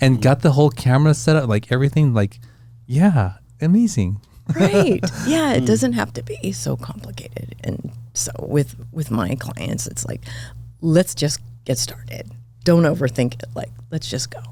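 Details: Adult woman diagnosed this year with spasmodic dysphonia; vocal cord spasms make her voice cut in and out, sometimes hoarse; she attributes it partly to voice overuse as a podcast host and to stress; real, apparently occurring during interview; spasmodic dysphonia.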